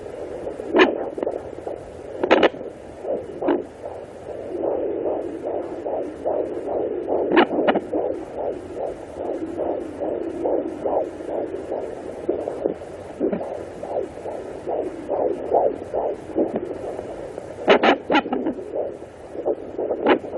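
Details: Pregnant woman at 18 weeks 4 days, baby girl, on a Sonoline B pocket fetal Doppler: rapid, regular whooshing fetal heartbeat at about 150 a minute with occasional probe clicks.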